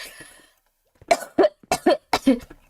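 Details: Girl with a cough, complaining of headache from coughing a lot: a run of about four short, sharp coughs after a brief pause.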